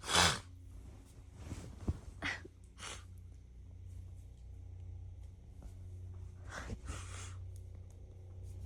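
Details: Woman sneezing from cat allergy after her roommate got a cat: one loud sneeze, then a few softer sneezes and sniffs against low room hum, allergic sneezing.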